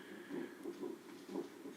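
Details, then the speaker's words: Fetal heartbeat on a Doppler probe during a fetal non-stress test: rhythmic whooshing pulses, regular and within the normal 120–160 beats per minute range, with a second probe monitoring uterine contractions. Normal fetal heart rate. "t's in utero should be between 120 and 160 beats per minute so you can hear the baby's heart beating and it's in that range"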